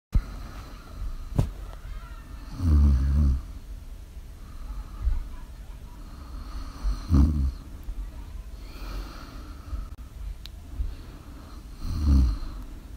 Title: 🔴Live: Snores Live ASMR